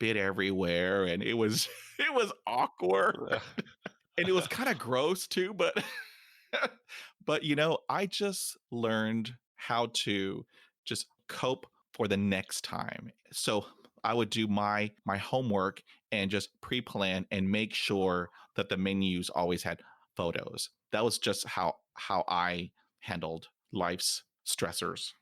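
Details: Man almost 50 who stutters, including when alone, and says his stutter is not caused by nervousness; stuttering.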